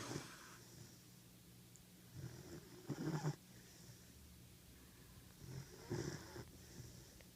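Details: 14-week-old German Shepherd puppy asleep in an office: soft, irregular rattling snores at about 21 a minute, faint against room noise; snoring.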